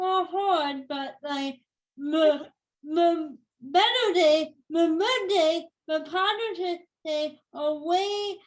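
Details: Female speaker with cerebral palsy since birth that has become tighter with age; she says listeners may need her to repeat or type; dysarthria (cerebral palsy).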